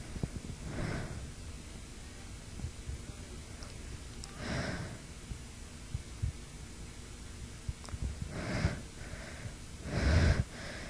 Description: This was quite a weird wave. I had soft sneezes, loud sneezes, stifles, and some build ups.